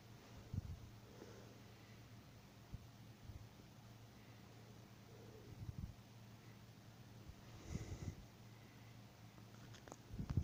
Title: snoring bogoos 😍